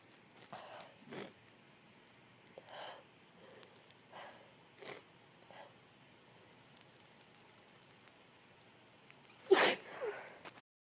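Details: Person with a cold sneezing 20+ times, with sniffles, some stifled and rapid sneezes: several soft sniffles and stifled sneezes, then one loud full sneeze near the end.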